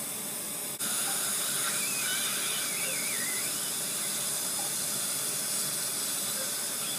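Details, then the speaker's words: Solea CO2 dental laser with water spray during a child's tongue-tie frenectomy: a steady loud hiss of spraying water with a faint wavering squeal as the laser releases the tongue. "I'm gonna use the laser in the water to release the muscles so that you can get full motion and extensors time"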